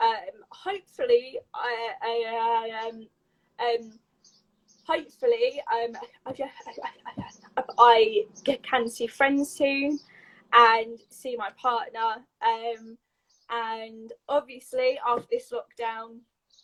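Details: Adult woman with a stammer since age three, a neurological speech impediment involving blocks and repetitions, speaking in a live conversation; stuttering.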